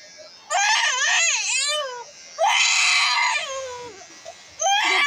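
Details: Baby girl a few months old crying during her first haircut, frightened and unsettled; loud high-pitched wails in bursts with short pauses, faint room noise; infant crying.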